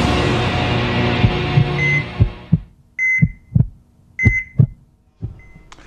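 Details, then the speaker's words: Regular low thumping heartbeats with electronic monitor-style beeps over a fading music bed, a produced heartbeat sound effect used in a medical call-in TV programme. "بعد ما يسمع الواحد دقات القلب هاي عن جد بتخربط، وخصوصا اني انا جديد عامل القلب مفتوح."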